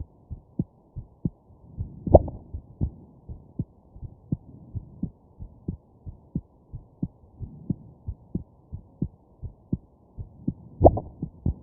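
Steady heartbeat about 110 a minute, with two louder jolts from hiccups breaking in.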